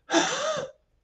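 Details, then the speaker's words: Imitated dry, spasmodic cough with dry wheeziness: a single breathy, raspy airflow sound with a faint whistling tone, described as a mullein-type dry cough. "It’ll be a cough that sounds like (makes coughing sounds). It’s got that dry wheeziness to it, the (makes"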